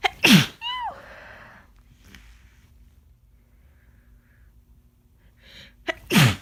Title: Wet, Desperate Cold Sneezes